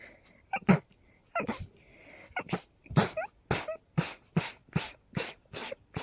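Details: Person with a cold, exposed to high pollen count and dust: a fast run of about a dozen explosive sneezes, some preceded by a quick inhaled catch.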